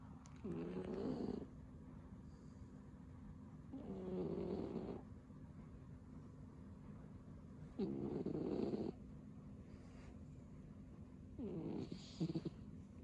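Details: A sleeping cat snoring loudly: four rough, fluttering snores spaced a few seconds apart with quiet breathing between; cat snoring.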